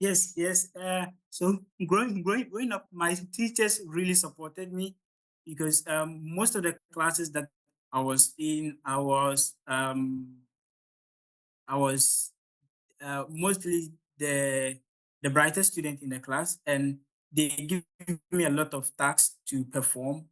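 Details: Stuttering (stammering) in an adult man from Ghana at the start of a public talk, which he says was quite difficult; word and part-word repetitions audible.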